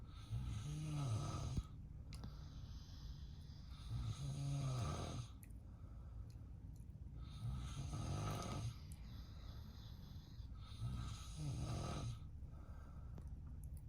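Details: An adult man (the dog's owner) snoring in the background while a golden retriever sleeps: four loud, rough, low rattling inspiratory snores about every 3.5 seconds, roughly 17 a minute, with quieter out-breaths between.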